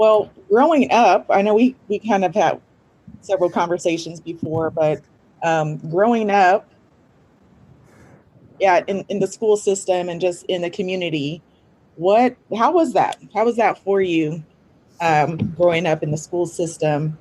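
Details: Adult speaker, likely a woman, in a quiet room; normal conversational speech.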